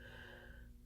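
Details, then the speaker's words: A small dog sleeping in the background gives a quiet, low, rumbling snore, a surprisingly big snore for such a little dog. "you can hear Sophie snoring in the background I don't know Harel she ended up with such a big snore for such a little dog"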